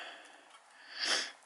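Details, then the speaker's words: Pet sound asleep on a studio floor: a soft, airy, snuffling breath swells into one brief hissing snort, without the deep rumble of a human snore: a little snore. "so sorry bout that noise that savanna shoving a little snore she's sound asleep on my studio floor"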